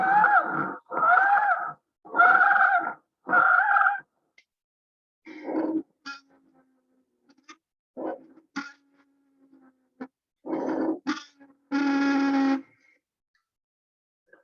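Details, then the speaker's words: Wheezing examples, first a child breathing fast with high-pitched wheezes, then an adult breathing slower with deeper, thicker wheezes: whistling, musical breath sounds from narrowed airways. "cuando se oye ese tipo de silbido como si alguien estuviera silbando se le llama sibilancias"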